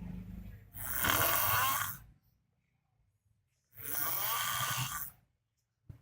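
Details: Very loud, harsh, rattling snores on two breaths in, with quiet pauses between, from a homeless person asleep on floor tiles. Heavy adult snoring.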